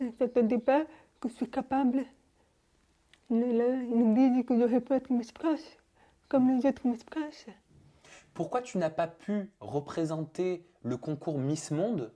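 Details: Young adult woman, deaf from birth, wearing hearing aids since birth and speaking orally with lip-reading, recently fitted with new hearing aids; speech of a person deaf from birth.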